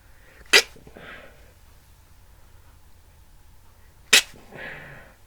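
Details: Two sharp, explosive sneeze bursts a few seconds apart, each followed by a breathy exhale, in a comedic "can't stop sneezing" skit; the sneezes sound imitated rather than real; sneezing.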